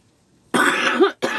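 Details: Adult coughing while talking: two coughs after a quiet pause, the first long and harsh, the second short; ordinary coughing.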